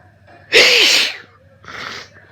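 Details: Hay fever sneezes while studying in a café: one loud, explosive sneeze, then a softer follow-up burst, over a low room hum.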